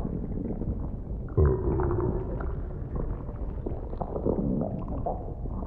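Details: Staged ASMR role-play of stomach noises as food digests, not a clinical recording: low gurgling rumbles and bubbling with a longer groaning rumble; stomach rumbling.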